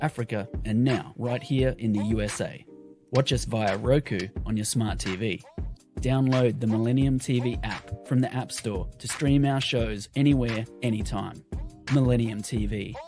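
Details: Adult male announcer; Normal voice.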